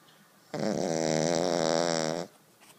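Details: Dog asleep on a couch snoring: a single long, steady, buzzing whistle-like breath lasting nearly two seconds.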